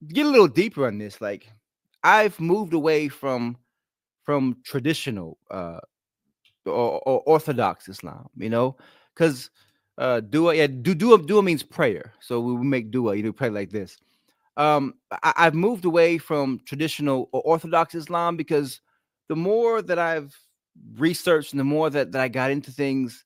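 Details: An adult man with a stutter present since childhood, when it was ten times worse, and worse when he is excited or relaxed; here he is visibly concentrating to control it; stuttering.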